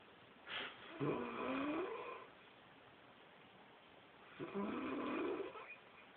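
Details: Light snoring: two soft, drawn-out snuffling snores with a purring rattle, separated by a quiet pause.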